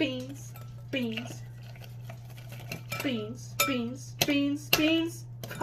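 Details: Tourette syndrome with vocal tics, including repetitive word tics and coprolalia.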